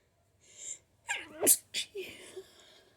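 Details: Sneezing from allergies: a sharp inward gasp, then an explosive sneeze and a second short burst.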